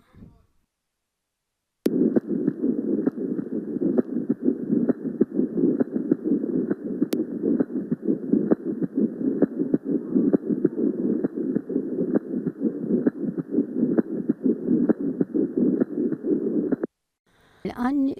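Harsh, scratchy grating noise over regular heartbeats at about 66 a minute, a pericardial friction rub.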